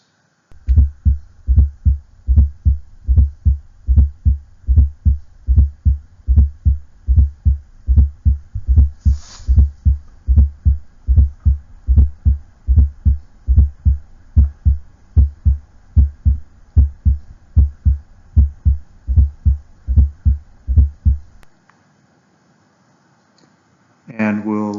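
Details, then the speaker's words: Intermittent fourth heart sound (S4, atrial gallop): a soft, low late-diastolic sound just before S1 on some beats of a regular heartbeat, as often associated with hypertrophic cardiomyopathy in cats. "it's a late diastolic sound occurring shortly before s1 and an atro gallop or s4 gallop is often associated with hypertrophic cardiomyopathy in cats we'll start by listening to an s4 sound that comes and goes"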